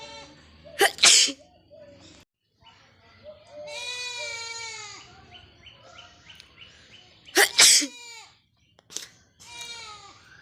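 Three sharp, explosive sneezes with high-pitched vocal sounds between them, performed deliberately.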